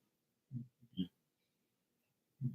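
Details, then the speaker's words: Three short, low, rumbling snorts with quiet gaps from a sleeping dog that moves, moans and groans; ordinary snoring. "my dog snoring in the background you got to excuse her moans and groans uh you can see her right there like she's moving and snoring so if you hear that it's not me it's her"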